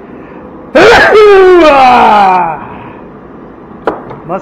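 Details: Extremely loud sneeze in a garage while sorting and weighing scrap metal.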